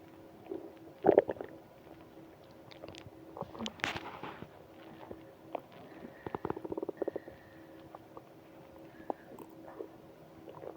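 Gurgling, squeaky rumbles and bubbling pops from the belly, typical stomach growling from bowel gas and fluid movement.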